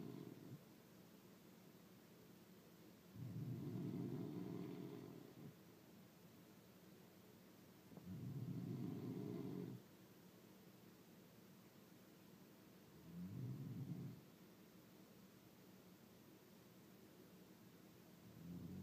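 Low rumbling snores recur about every five seconds, roughly twelve a minute, over steady room noise. Snoring during sleep.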